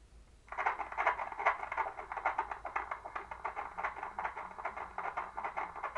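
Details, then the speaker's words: Fetal heartbeat on ultrasound Doppler at 16 weeks of pregnancy, mother with previous miscarriages: rapid, rhythmic whooshing pulses at about 150 per minute; baby looks healthy. "baby looks fantastic you can see that little heartbeat"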